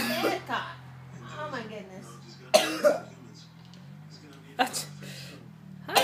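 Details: A few short, deliberately forced coughs from a child faking illness to get out of school, faint speech between; fake cough.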